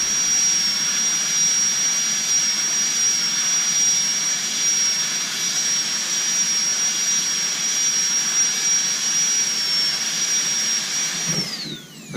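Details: Interproximal reduction (IPR) training for aligner treatment on a stone model with water, brushing through a broad tooth contact: sustained high-pitched dental handpiece whine, spinning down at the end.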